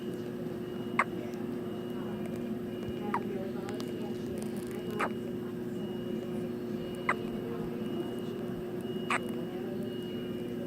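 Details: Seven-day-old newborn baby: five brief, sharp hiccups at a steady rhythm, about one every two seconds, over a constant background hum; newborn hiccups.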